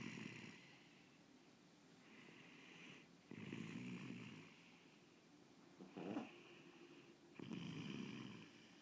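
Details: Snoring during sleep: three rough, rattling snores about a second each, separated by quiet pauses.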